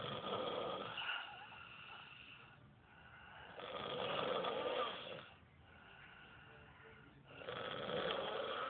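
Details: Two sleepers snoring: rhythmic rasping snores on each breath, about 20 a minute, with quieter breathing between.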